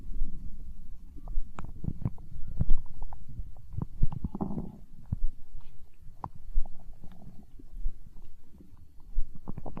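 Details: Stomach growling from hunger, with low irregular gurgling and rumbling and scattered pops and squeaks: borborygmi.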